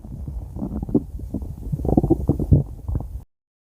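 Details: Stomach growling: low, gurgling, bubbling rumbles rise and fall over about three seconds, then stop, from gas and fluid moving through the gut.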